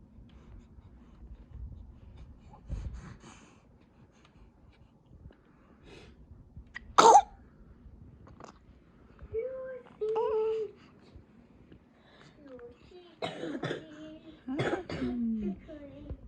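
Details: A 38-day-old baby girl gives one sharp little sneeze, followed by soft coos and small vocal sounds: infant sneeze.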